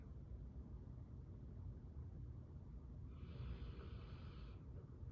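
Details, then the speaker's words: Dog snoring in the background during a talk: over a steady low rumble, a single soft, breathy snore rises and fades midway through. "If that noise is coming out, that's a dog snoring. That's what you can hear right there. That was me making a noise. That other noise, that's the dog snoring."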